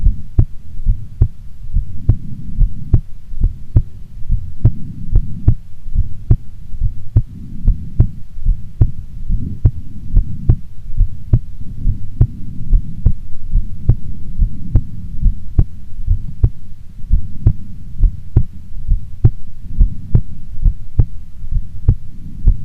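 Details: Normal heartbeat of a woman before sleep: a steady low thumping at about 71 beats a minute over a soft rumbling hum.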